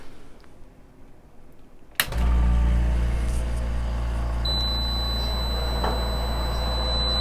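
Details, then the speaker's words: DeVilbiss 10-litre oxygen concentrator used by a person with MS: quiet room, then a huge loud start-up beep and a loud, constant low hum with high whine as it preps (orange light); louder in person than recorded. "it is a pretty constant noise but it is definitely loud and the very first thing that happens when you turn it on is there's a huge loud beep then it goes to having a an orange light that just means it's prepping it's getting ready"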